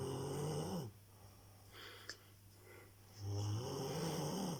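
Loud, low rattling snores, one on each breath in, with a quieter pause between them. Ordinary snoring.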